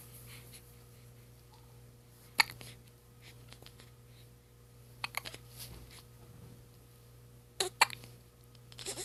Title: Hiccups at 2 weeks and 2 days